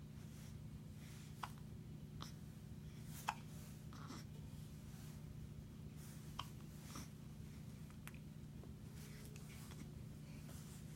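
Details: Hiccups in a 2-week-old infant: soft, brief catching sounds recur at irregular intervals, about six in eleven seconds, over steady room hum.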